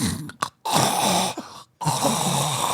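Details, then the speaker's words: An adult imitates a friend's snoring, which is attributed to a deviated septum plus sleep apnea. Loud, irregular snorts are broken by an abrupt pause, since the friend stops breathing for about 7–8 seconds. "Yeah, it's like literally stops breathing."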